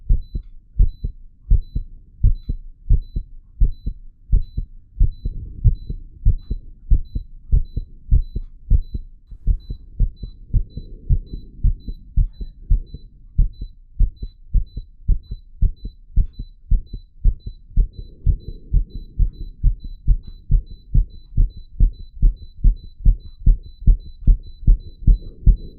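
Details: Adult's own real heartbeat, wired to a 3-lead ECG monitor, deliberately made to beat fast: rapid, steady thumps around 140 a minute with faint monitor beeps; tachycardia.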